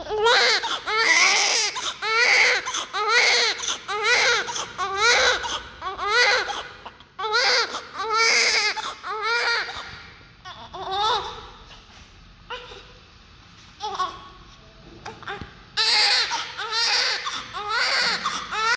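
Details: Vigorous newborn cry from a baby boy with healthy breathing: loud, rhythmic, strong wailing cries, about one a second, with short breaths between.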